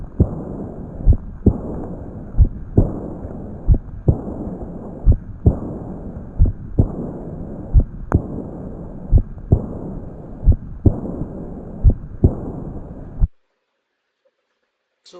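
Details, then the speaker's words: Aortic regurgitation, an early diastolic decrescendo murmur at the aortic area and third intercostal space on the left: slow regular heartbeat of about 44 a minute, with a soft blowing murmur filling the pause after each second sound. "so this is the atic regation in now ntic regation what type of marmar we can found natic regation AR rly d m so diastolic decreasing"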